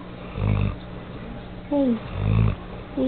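Two low, rumbling snores about two seconds apart from a sleeping dog, with a brief whine and soft talk in the background.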